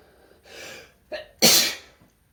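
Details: Shirtless man sneezing with some false starts: quick inhaled build-up, then one sharp, explosive sneeze.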